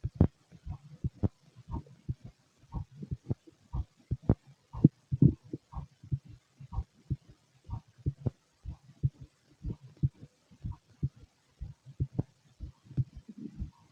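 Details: Heartbeat: steady low paired thumps at roughly 65 to 70 a minute, with faint empty-stomach gut gurgles.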